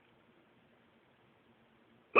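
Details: Person, possibly after eating too fast, recorded around 2 a.m.: near silence, then one abrupt, sharp hiccup; hiccups.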